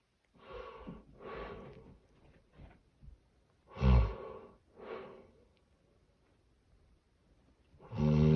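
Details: Severe obstructive sleep apnea snoring: loud, irregular snorts, a brief silence (pause in breathing), then a sudden forceful snort.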